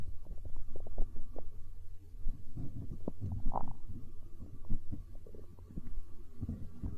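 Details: Stomach growling (borborygmi) recorded for ASMR, tagged as hunger sounds: continuous low gurgling and rumbling with bubbling pops, a normal gut sound.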